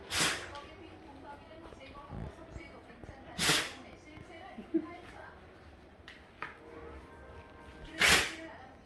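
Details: Five-year-old Chow Chow dog in a sneezing fit: three forceful, hissing sneezes a few seconds apart with light snorting between, against faint room noise. Repeated sneezing.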